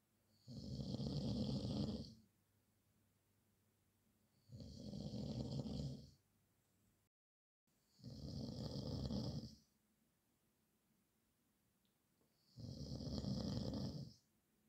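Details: Snoring during sleep: loud, low rattling snores on each breath in, about 16 breaths a minute, with quiet pauses between.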